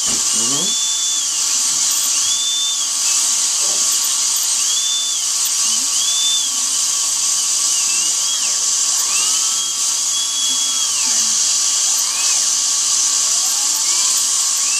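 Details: Continuous high-pitched dental drill whine, rising and falling as it cuts, with a steady air-water spray hiss during cavity drilling for a bonded white filling done without needles.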